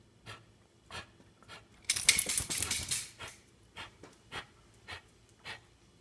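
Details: Dog, who seems unwell, pants rhythmically, interrupted by one loud, harsh, hacking cough burst lasting about a second.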